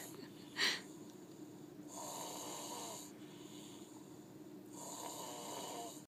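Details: Slow, noisy, rasping snoring breaths about three seconds apart over a steady background hum; snoring.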